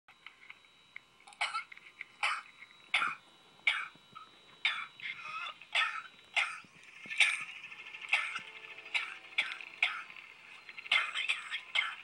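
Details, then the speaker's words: About fifteen short, harsh, wet coughs in irregular runs with throat clearing, from a 29-year-old with cystic fibrosis bringing up thick mucus "like glue in my lungs"; productive cough. "that is what I cough up it's like glue in my lungs what every kid adult sister fibrosis does"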